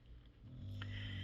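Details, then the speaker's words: Snoring of a sleeping bulldog: a low, rattling rumble that swells and holds, like a single snoring breath in, over faint room noise. "if you hear the snoring right now if you hear snoring that is Jack the Bulldog I'll try to put a clip of them um at the end of this"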